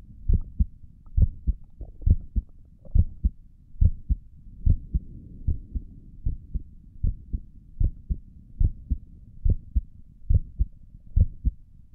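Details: Normal heartbeat recorded through a stethoscope on a person's chest, with occasional stomach gurgles also audible.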